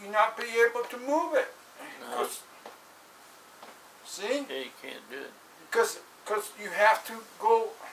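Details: Adult man with aphasia after a stroke in 2007, recorded in 2016; repetitions and word-finding difficulty. Aphasia.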